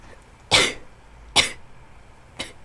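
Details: Induced sneezes in a high school student with a new cold and sore throat: three short, sharp, hissing bursts about a second apart, the last softer; a run of sneezes.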